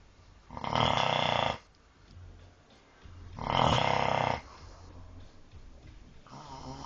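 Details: Two loud, rough snoring breaths about three seconds apart, with softer breathing between them and quiet room noise behind; snoring.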